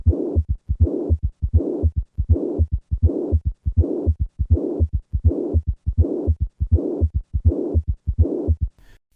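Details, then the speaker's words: Mitral regurgitation murmur with both a third and a fourth heart sound: regular heartbeat about 80 per minute with a systolic murmur and extra low sounds around each beat. "Listen once again to a patient with both a third and a fourth heart sound and mitral regurgitation."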